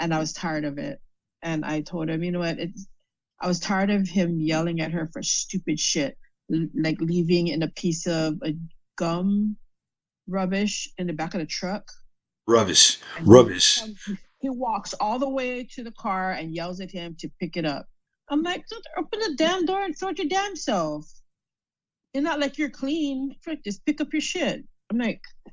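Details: Adult female stroke survivor with aphasia after a stroke, with word-finding difficulty.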